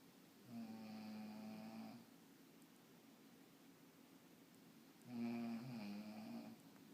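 Two steady, buzzing snores on inhalation about four to five seconds apart, with faint hiss between: ordinary snoring.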